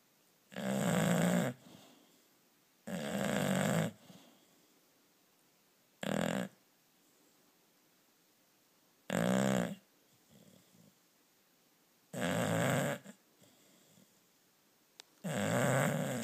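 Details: Loud, rough snores at irregular intervals, about six in sixteen seconds, in a quiet room; snoring.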